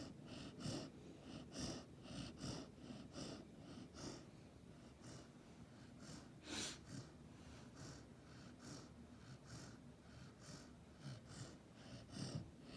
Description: Golden retriever puppy snoring